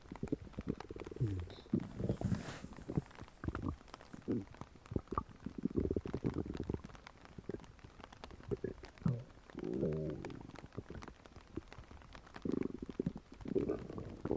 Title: Realistic stomach growling sound effect